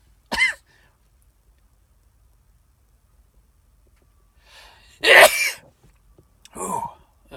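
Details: Three sneezes set off by sniffing cayenne pepper off a Q-tip: a short sharp sneeze, a loud explosive sneeze after a breath in, then a smaller third sneeze.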